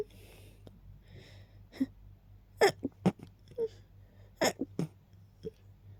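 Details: Rapid repeated sneezing after smelling lilies kept nearby: breathy build-up breaths followed by several sharp, closely spaced sneezes in quick succession.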